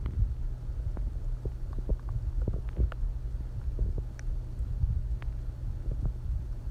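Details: Hungry stomach growling after not eating all day: low, rolling gurgles and rumbles from the belly with scattered soft pops; normal borborygmi.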